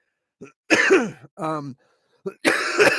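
Two harsh, noisy adult cough bursts separated by a brief voiced groan or vocal sound, in a quiet room: a plain cough.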